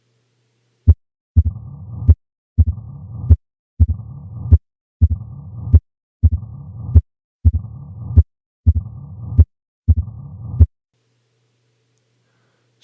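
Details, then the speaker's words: 45-year-old West African man with dyspnea and years of leg swelling. Uniform, low-pitched diastolic murmur, loudest at the apex with the stethoscope bell: mitral stenosis murmur. "what would cause a uniform low pitched diastolic murmur at the Apex really only one thing can do this mitro stenosis"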